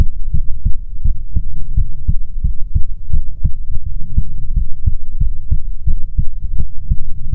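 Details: ASMR heartbeat recording: steady, strong low thumps in regular pairs, roughly 75–80 beats a minute, faint hum behind; normal heartbeat.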